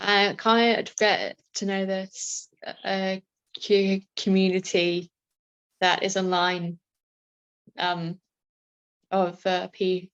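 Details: Adult female with a self-reported stammer; stammering.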